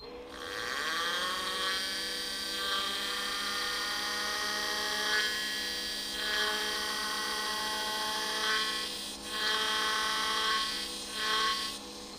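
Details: Steady high-pitched whine of an Osstem 1-2 taper kit implant drill in a hard-bone drilling protocol demonstration, 3.5 tapered drill, pitch dipping as it bites into bone in several passes.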